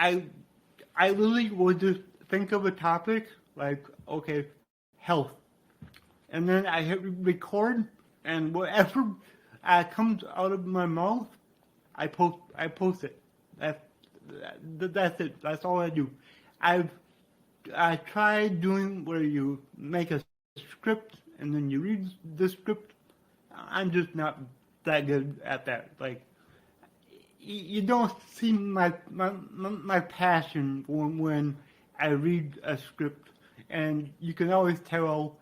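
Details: Man with dysarthria due to cerebral palsy, which he attributes to brain damage after being born without heartbeat or breathing and being revived.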